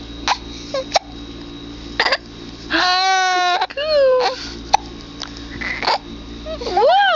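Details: Infant with hiccups: short, sharp hiccup clicks between brief fussy cries and whimpers; infant crying with hiccups.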